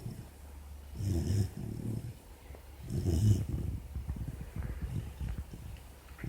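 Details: 4-month-old female Labrador puppy sleeping with an ear bud in her mouth. Low, rough, irregular snoring breaths, about two every few seconds: ordinary sleep snoring.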